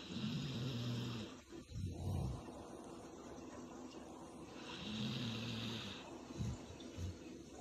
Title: ASMR Yellow Labrador Sleeping 😴 with water sound in background